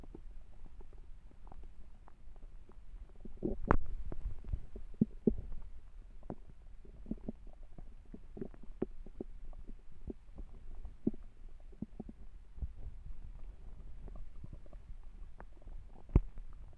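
Low gurgles with scattered pops and squeaks from the belly, the ordinary growling of a hungry stomach.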